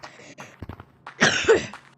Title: I could not stop coughing #gorillatag #funny #foryou